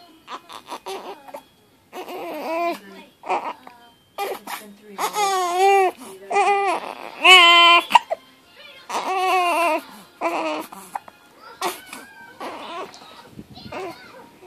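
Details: 3-week-old infant, fussy with hiccups, crying in short wailing bursts with breaks between, a soft adult voice and faint music in the background; infant cry.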